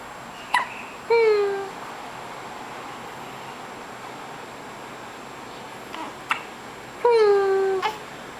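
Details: Awake infant with hiccups: two sharp hiccup catches, each followed by a short whimpering cry, in a quiet room.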